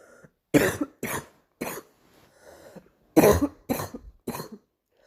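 Two short runs of dry coughs, about seven in all, with quiet breaths between them.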